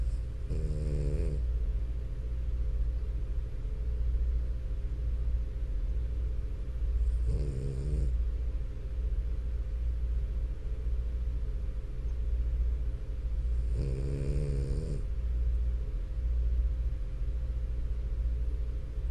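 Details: Three loud, rattling snores about seven seconds apart over steady low background noise: a sleeping French Bulldog snoring.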